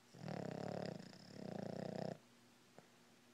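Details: Snoring in a Boston terrier caught in REM sleep: two rattling, fluttery snores from a small short-nosed dog, each about a second long, then quiet.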